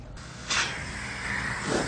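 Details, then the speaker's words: Steady rushing hiss of high-flow oxygen at 15 liters via non-rebreather mask, applied by an EMT to a patient having trouble breathing with a history of asthma and bilateral wheezing in all four lobes; practical skills review scenario. "i'm going to go ahead and put patient on some oxygen i'm going to put them on 15 liters on a non-rebreather mask"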